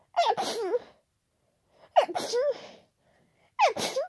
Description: The cold continues and so are the sneezes. / Very wet and very powerful.. no chance of stifling.